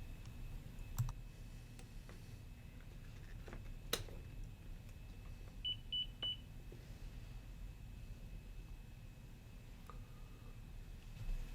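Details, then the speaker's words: Alaris Medsystem III IV infusion pump in a training demo: clicks, then three short high beeps confirming the cartridge tubing is properly seated in the air sensor, which clears the check-air-sensor alarm. "the check air sensor alarm means the tubing is not yet properly seated in the air sensor you need to press until you hear three beeps"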